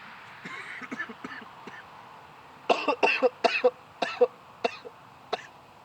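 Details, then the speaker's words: Adult man, recovering from an illness with otherwise no other symptoms and no fever: bouts of about ten harsh coughs in short clusters over a few seconds; persistent cough. "I I I have never CED this much for for a separate body before never but yeah like what's weird is there was literally nothing else wrong with me besides that cough"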